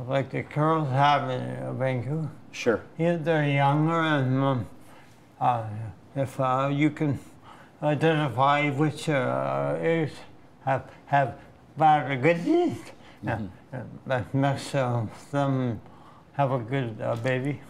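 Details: Slurred, hard-to-understand dysarthria in a 62-year-old man with Huntington's disease, a gene carrier diagnosed about 20 years ago, who uses a wheelchair and reports little control of his body.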